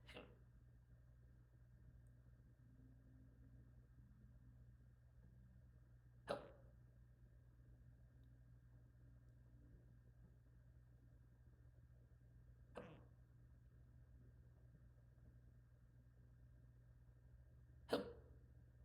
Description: i got the hiccuupppsss